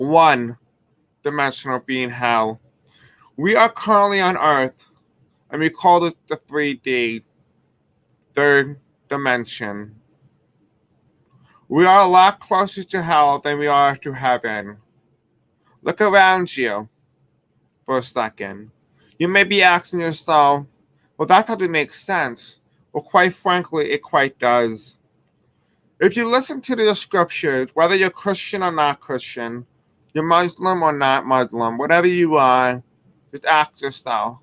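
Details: Deaf man who reports a deaf accent and difficulty pronouncing certain words; deaf speech.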